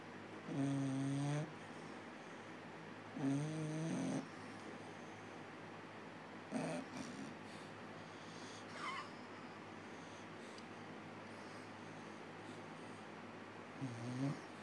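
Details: Bulldog sleeping in its owner's lap snores in loud, rattling bursts, several heavy and a few softer, with quiet room noise between; dog snoring.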